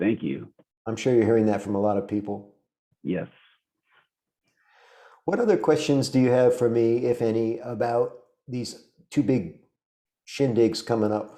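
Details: Adult male speaker in a small room; ordinary conversational speech.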